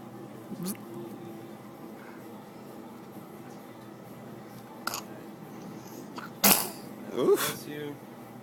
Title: Laughing/Sneezing Baby!!!